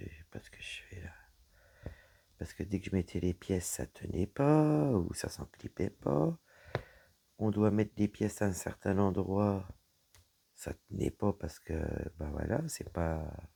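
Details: Woman whose vocal cords were damaged by a serious health problem; she reports her voice is now deeper than before, at times she has little voice, and she cannot speak loudly. Dysphonia.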